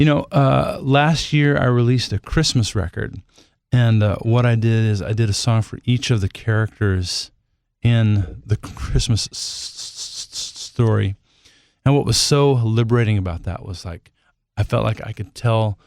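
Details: Adult male singer who stutters and says he has become more fluent with age, recorded while he has a cold; stuttering.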